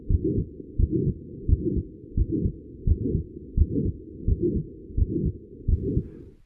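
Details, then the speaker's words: Regular heartbeat about 86 a minute with a crescendo-decrescendo midsystolic ejection murmur, as in aortic stenosis or physiologic flow murmurs, beginning after S1 and stopping before S2, with brief audible gaps on both sides. "For example, a midsystolic murmur heard in physiologic flow murmurs or the crescendo decrescendo murmur of aortic stenosis begins after S1 and stops before S2. Brief gaps are audible between the murmur and the heart sounds."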